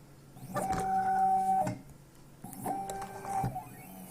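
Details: Low-cost Arduino stepper-motor ventilator squeezing an Ambu bag, running on battery power, demonstration: two whirring motor runs with clunks about two seconds apart, one per breath; mechanical ventilator cycling.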